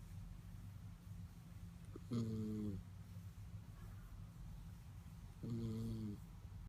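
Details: Sleeping schnauzer snoring: soft, whistly, buzzing snores on each breath, about 18 breaths a minute, over a steady room hum.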